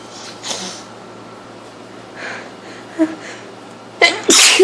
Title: Sneeze attack from a cold :(